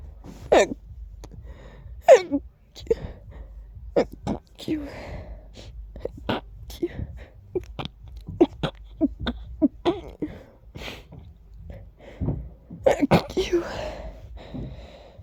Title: Woke up sneezing 🤧